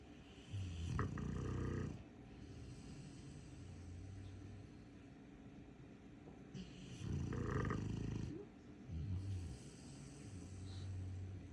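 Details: A sleeping Cane Corso dog snoring: deep rumbling snores in two main bursts with softer low snorts between; snoring in a large dog.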